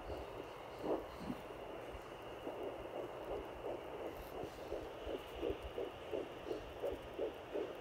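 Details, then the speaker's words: Fast, soft whooshing fetal heartbeat, about 165 a minute, through hiss and static on a home fetal Doppler at 10 weeks 4 days of pregnancy, found just below the belly button; the baby kept moving away. "Okay, as you can see, he's right below my belly button. Sounding very healthy."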